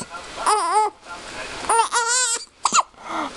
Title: 3 week old baby mad at hiccups!